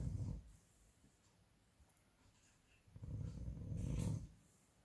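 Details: Green parrot making a snoring sound: two low, rumbling breathing noises separated by a quiet pause.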